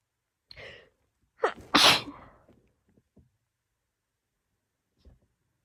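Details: A person's sneezing fit, blamed on allergy to a friend's dogs: a quick run of sharp, explosive sneezes after a short intake of breath, then small sniffs. The person says these sneezes sound weird compared with their normal ones.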